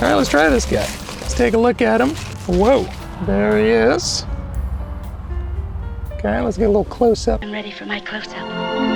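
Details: Adult man with persistently high-pitched voice, no treatment chosen; mutational falsetto (puberphonia).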